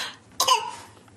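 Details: Young child's deliberate fake cough on request: one short, playful imitation cough, not an illness cough.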